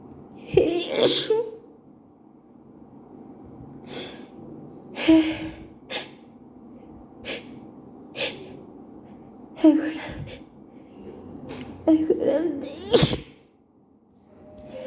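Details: Allergic sneezing fit at work after an allergic reaction in a co-worker's bathroom, with night allergies: several sneezes in a row, each with a sharp inhaled gasp before it, in a quiet room.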